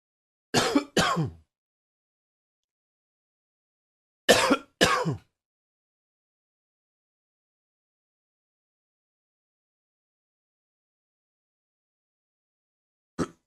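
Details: Coughing against silence: two pairs of sharp, harsh coughs a few seconds apart, then one brief final burst, five coughs in all.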